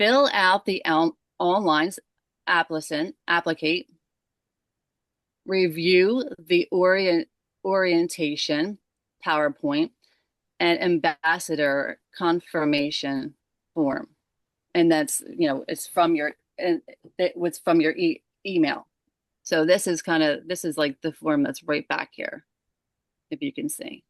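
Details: Adult woman with aphasia after a stroke caused by moyamoya disease at age 37; the stroke happened while she was asleep, her left side was affected first, and aphasia began December 2022.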